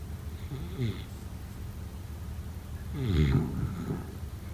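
Two rough, low rumbling breaths a few seconds apart against quiet room noise, with a fluttering quality typical of snoring during sleep.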